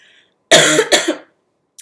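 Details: Adult woman with a cold, after too much cold medicine, coughing while talking: a single harsh double-burst cough in a quiet room.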